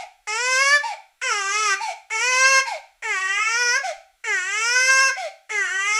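Loud, high-pitched infant wails come in repeated bursts about a second long, separated by quick catch breaths. A sustained, intense baby cry, as in a tantrum.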